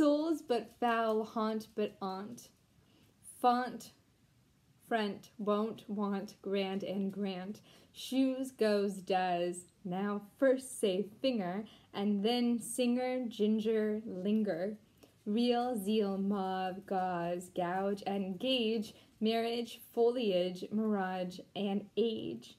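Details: Deaf woman, once completely mute, who taught herself to talk again and cannot hear herself, reading an English poem aloud; deaf speech.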